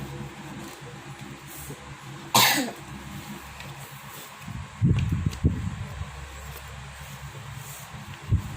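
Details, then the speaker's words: Person with a cold and a cough: one sharp cough followed by a few softer throaty coughs over a steady background hum; cough. "Guys, aku lagi pilek sama batuk juga, batuk pilek guys aku."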